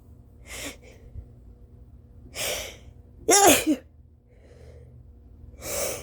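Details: Tired adult after a long night with too little sleep, late morning with a snotty nose: several sharp sneeze and cough bursts with quiet breathing between, in a small room; nose blowing also present.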